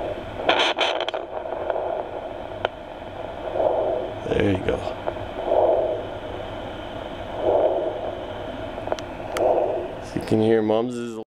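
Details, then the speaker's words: A pregnant female jungle boa is checked with a fetal Doppler held near her neck. Soft, evenly spaced pulses about two seconds apart are her heartbeat, stated as about 12 or 20–25 beats a minute, while the babies' heartbeats are 45–65: slow maternal heartbeat. "the babies have noticed they're about 45 to 60 beats a minute the mom is more like 12 beats a minute"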